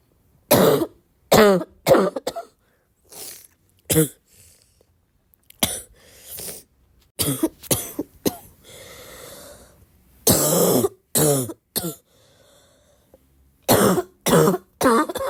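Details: Adult with a cough: repeated harsh cough bursts in irregular clusters, with breaths and throat clearing between; an ongoing coughing spell.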